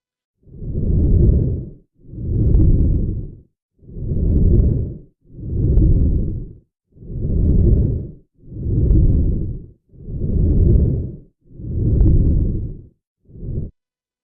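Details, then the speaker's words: Rapid, regular stethoscope breath sounds at about 38 breaths a minute with faint bubbling, described as crackles, small bubble sounds a doctor would call crackles. "अभी जो आपने सुना एक doctor बोलेगा ये तो crackle की आवाज है थोड़े-थोड़े बुलबुले की आवाज भी"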